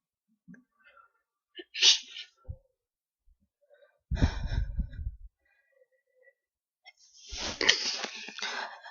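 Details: Several violent but deliberately stifled sneezes, short and muffled with the mouth kept closed, held back because this person's sneezes tend to be wet and messy; the last one came before a planned "achoo" and sounded like the others.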